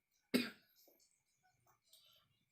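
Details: Wife who has been coughing since waking, thought to have caught a chill after being rained on, during coin-rubbing (kerokan): a single sharp cough followed by faint breathy sounds; an isolated cough.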